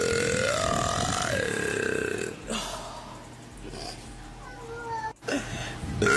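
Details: Burp girl: a long, drawn-out voiced belch with rising and falling pitch, then quieter gurgling burps; burping.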